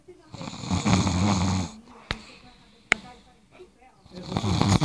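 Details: Snoring: a loud, rough snore on the breath, then quiet with a couple of sharp knocks, and another snore beginning.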